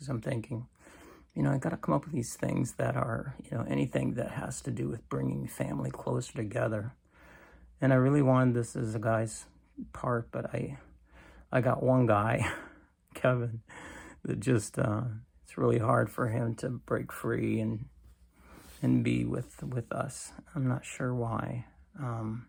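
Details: Creaky, weak voice in an adult man with cancer and a bile duct stent needing more frequent clearing, recorded in the morning; he attributes it to lack of strength.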